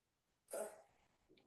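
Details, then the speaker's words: Cat with suspected feline asthma: a single short, harsh cough burst while stretching its neck and lowering its abdomen, sounding like trying to bring something up but a cough, not a hairball. "Ese ruido es como que se quisiera sacar algo y además estira el cuello."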